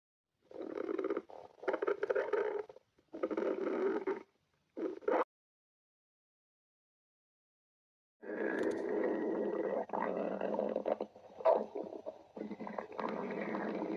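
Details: Stomach growling (borborygmi), possibly a recreation: bursts of low rumbling and gurgling, then a pause and a longer growl.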